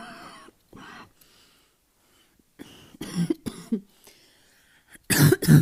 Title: Asthma cough, barking cough